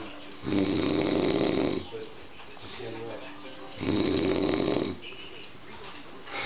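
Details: Old man, very loud snorer: two loud, rough snores on inspiration separated by quieter exhalations, about 18 breaths a minute; heavy snoring.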